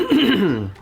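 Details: Adult man on a cruise ship gives a brief voiced throat-clearing sound, a short rasping hum fading out.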